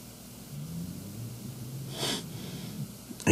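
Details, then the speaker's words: Snoring heard in the background while someone sleeps during narration of a sailing race; a low, rumbling snore with a brief snorting breath partway through, faint against room noise; snoring. "if you hear the snoring in the background that's coal solid wood"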